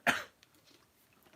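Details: Cough (hay fever).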